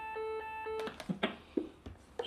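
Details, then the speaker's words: Repeated electronic alert tones from a training AED around shock delivery, with the prompt "Shock delivered. Begin CPR", then clicks and handling noise in a small room, during a simulated workplace-collapse CPR and AED demonstration. "Shock delivered. Begin CPR."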